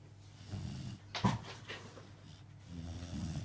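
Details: Sleeping dog snoring: low rumbling breaths with a brief snort.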